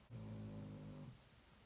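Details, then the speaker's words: One low, rumbling snore from a sleeping dog, lasting about a second, then quiet room noise: snoring. "Can you hear my dog snoring? I just had to take a minute out for that because I absolutely love the sound, like I said."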